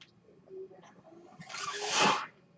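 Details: Mechanical ventilator noise heard during a podcast recording by its user: a mechanical ventilator breath cycle.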